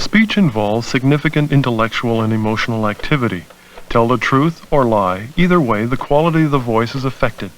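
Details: Adult male speaker; normal speech.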